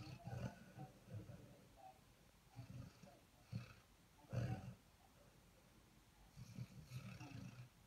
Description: Here is my lively hound dreaming and snoring!